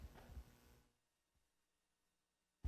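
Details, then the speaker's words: Vocal imitation of mitral stenosis: low rumbling diastolic murmur that grows louder before S1, with an opening snap after S2; described as usually from rheumatic heart disease. "so i'm going to do the murmur in diastole and then it's going to run up into s1 and then you're going to hear the opening snap and the murmur again"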